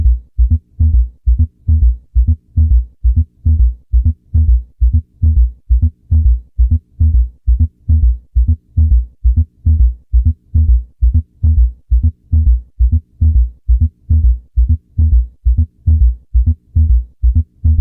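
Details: Heart-failure lecture recording: normal S1 and S2 first, then S3 and S4 are introduced, giving a summation gallop.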